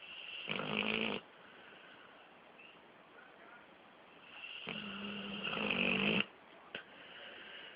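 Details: Snoring from a 13-month-old Pitbull, eyes mostly closed: loud, buzzing, rattling snores with quieter breaths between, two clear snores in about eight seconds.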